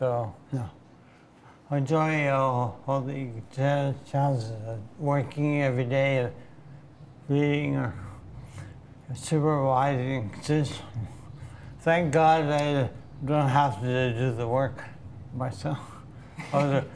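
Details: Hyperkinetic dysarthria from Huntington's disease in a 62-year-old man who carries the Huntington gene, has had the disease about 20 years, uses a wheelchair and has little control of his body.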